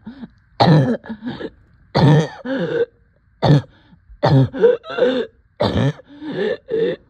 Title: Coughing and shortness of breath